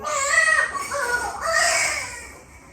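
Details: Loud, high-pitched wailing cry in two strong bursts from a newborn girl just after a normal vaginal delivery: a vigorous newborn cry.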